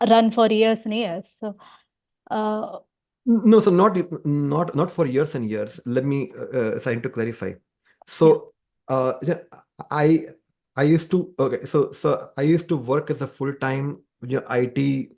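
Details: Adult man, a person who stammers, who says music has helped his stammering; stuttering.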